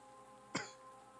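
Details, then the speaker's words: Single short, sharp adult cough, almost like a throat clear, over a quiet steady electrical hum; the streamer says they are not feeling well and feel horrible. "so yeah you hear uh you hear the cough and everything else and i feel i feel horrible"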